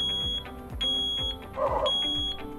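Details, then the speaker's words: ZOLL Z Vent portable critical care ventilator medium-priority alarm, demonstration: ventilation still active but a patient or ventilator fault needs immediate attention; LED array solid red or slowly flashing with slow repeating beep tone, mutable for 30 seconds. "the led array will either illuminate solid red or slowly flash accompanied by a slow audible tone"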